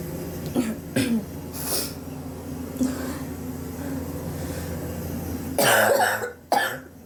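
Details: Several harsh, forceful coughs with pauses, from someone coughing for weeks and sore from it; chest X-ray pending to check for pneumonia; suspected bronchitis.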